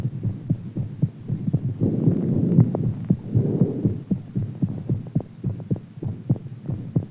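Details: Heartbeat after exercise: fast thumping, roughly 115 beats a minute, with a low hum in the background.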